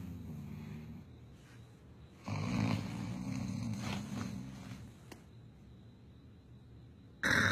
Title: Worlds worst snoring..funny video